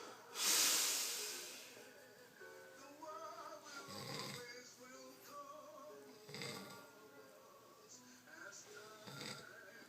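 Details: Man snoring very loudly while being filmed: rough, rasping snore bursts about every two and a half seconds over background music, with a loud hissing breath at the start.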